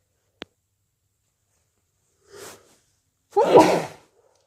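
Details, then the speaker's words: Person with a cold: a click, a short breathy intake, then one full voiced sneeze; sneezing during a cold. "And I need to sneeze. Oh, bless me. I need to sneeze. I need to sneeze. Bless me."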